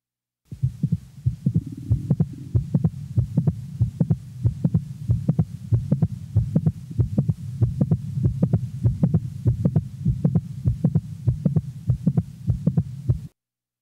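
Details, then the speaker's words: Mid-systolic non-ejection click in a normal 20-year-old female: regular heart sounds about 95 a minute with a sharp high-frequency click at least 100 ms after S1. "the next example is that of a normal 20 year old female with a typical mid-systolic click"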